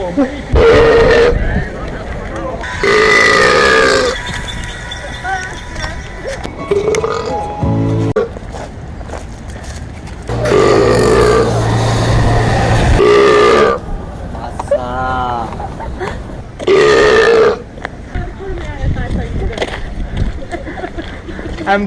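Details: Deliberate burping outdoors in Rome: several long, loud belches with tonal rumbling, between stretches of street noise and music; voluntary burping.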